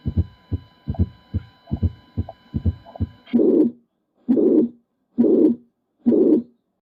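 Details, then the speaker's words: A heart murmur in an adult cardiac physical examination teaching demonstration: a regular heartbeat near 68 a minute, then loud, harsh whooshing sounds with each beat. Murmurs are graded on a six-point scale and described by pitch and quality. "terus dinilai komponennya Tentukan derajatnya ada enam lalu untuk nada hal ini kategorikan tinggi medium atau rendah untuk kualitas Tuliskan sebagai pasar bertiup bergemuruh dan musikal"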